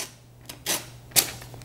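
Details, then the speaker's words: Brief dry rasping paper sounds as a printed ECG strip is pulled at an angle and torn off a LifePak 12 monitor's printer; monitor not connected to a patient. "Now, how do I actually go ahead and remove this? Well, you wanna go at a little bit of an angle and pull down, so it's like"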